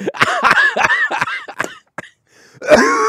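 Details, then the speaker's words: Adult coughing about two hours after a piece of hamburger went down the wrong way: a rapid run of about seven harsh, partly voiced coughs, a pause, then a final cough and a strained vocal sound. "And, I swallowed the fucking a piece of the hamburger the wrong way. And it went down the wrong windpipe. And, dude, I've been coughing for, two hours now."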